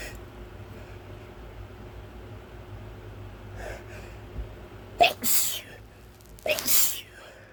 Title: pepper sneezes again